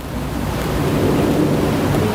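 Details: Stethoscope diaphragm on the chest during a teaching demonstration of a lung exam, with the patient asked to breathe: soft, steady low rushing. Normal breath sounds.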